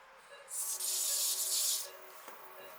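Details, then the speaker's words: Phacoemulsification sculpting: a steady high-pitched hissing rasp as the phaco tip sculpts a small central pit in the dense nucleus of an elderly woman's hypermature morgagnian cataract with pseudoexfoliation, nucleus stabilized by a sharp chopper, before horizontal chop. "my usual plan is to just sculpt a little bit create a small little Central pit as I'm trenching I prefer to always stabilize the nucleus with my second instrument"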